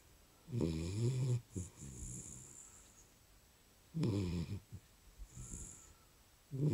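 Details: A sleeping dog snores loudly, with deep rattling inward snores and softer whistling outward breaths, about two and a half breathing cycles.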